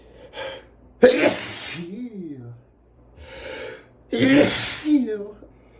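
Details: Male with allergy sneezing, unable to stop: two forceful sneezes, each preceded by a sharp in-breath and followed by a brief voiced trailing sound, amid sniffing and panting; repeated sneezing.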